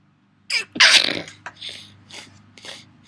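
A quick inward breath, then one loud explosive sneeze trailing into soft breaths; a single ordinary sneeze.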